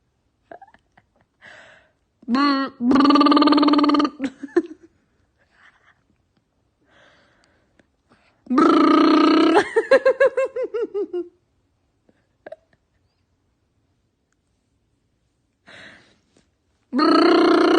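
Three long, loud, voiced belches separated by quiet pauses.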